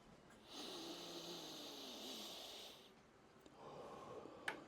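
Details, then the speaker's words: Two sharp nasal sniffs drawing air through a small inhaler stick in a quiet room, taken in celebration after closing a business deal; sniffing from a nasal inhaler. "So for the past so many years, when good things happen in my life that make me feel happy and get me excited and make me feel contented, I sniff that."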